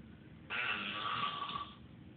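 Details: A single loud, rough, rattling breath noise lasting over a second against quiet room noise, from a sleeping adult man; snoring.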